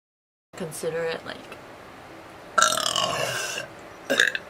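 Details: Several loud, rough belches from women in a compilation clip, one long and drawn out, with quiet gaps between; burping.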